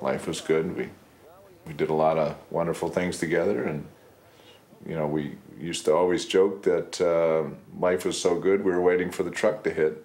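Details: Adult man; typical speech.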